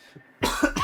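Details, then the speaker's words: A single short, forceful open-mouth cough from an adult who says they are sick, with faint room noise before it. "Another open mouth toddler cough, by the way. I'm sick."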